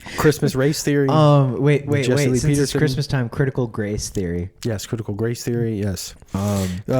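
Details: Adult male speaker; normal speech.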